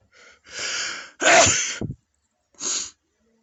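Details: Sneezing: a sharp inward gasp builds into a loud explosive sneeze, followed by a second shorter sneeze burst.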